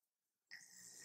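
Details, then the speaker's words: Young child who woke from a nap and has fallen back asleep: quiet, then a single noisy, rasping snoring breath. "he snores like his mummy, so that's the snoring that you can hear."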